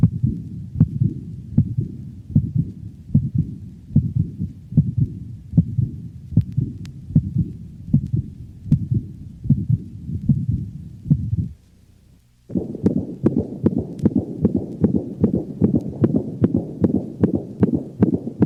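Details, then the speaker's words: Dog: normal first and second sounds followed by a high-frequency decrescendo diastolic murmur beginning with the second sound, played first at slow speed then normal rate; aortic insufficiency murmur. "notice how the normal heart sound pattern is disrupted by this high frequency diastolic murmur"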